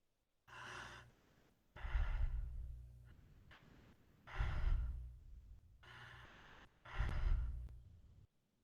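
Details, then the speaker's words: Imitated normal breathing pattern (eupnea) demonstrated as a teaching baseline: steady, even breaths in and out at a regular pace. "first we'll have to be familiar with the normal breathing pattern jupne and this will be our baseline and it goes something like this"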